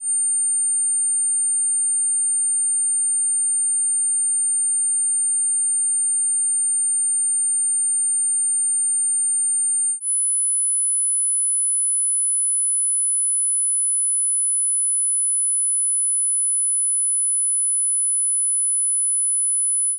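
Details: Tinnitus pitch-matching test tones: a steady 9000 Hz pure tone, then a slightly higher tone, meant for headphones at low volume.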